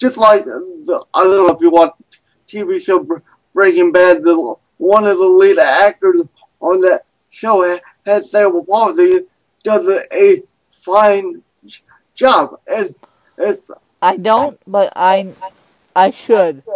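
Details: Adult man with cerebral palsy who reports a speech impediment, described as more marked than his guest's; dysarthria in cerebral palsy.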